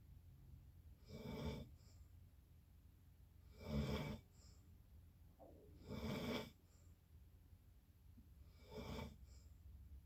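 Rough, rattling snores on each breath in, about four over ten seconds, with quiet pauses between; ordinary snoring.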